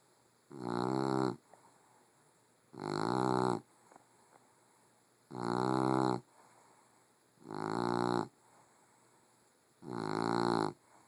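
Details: Female Puggle snoring: loud, regular, voiced snores, five in eleven seconds (about 28 per minute), each under a second with quiet gaps between.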